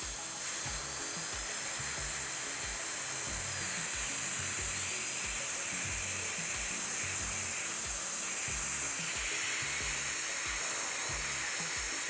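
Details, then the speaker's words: Dental handpiece polishing with a football-shaped Arkansas white stone on an Estelite Sigma Quick composite Class I occlusal restoration, upper left first molar (tooth 14): steady high hiss and whine with faint rhythmic contact. "The next one is I'm gonna polish with the Arkansas white stone. Same football shape."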